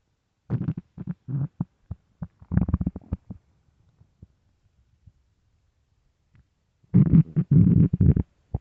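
Two bursts of low gurgling, bubbling rumbles with a quiet gap between; ordinary stomach growling, as with hunger.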